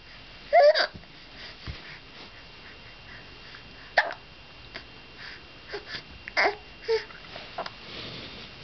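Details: Infant with hiccups in the morning just after waking: abrupt little voiced catches a few seconds apart, with soft babbling in a quiet room.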